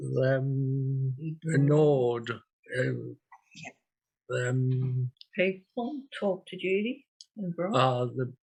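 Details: Aphasia in a real 56-year-old woman after an ischaemic stroke 10 years earlier and a later TIA, with difficulty producing small words.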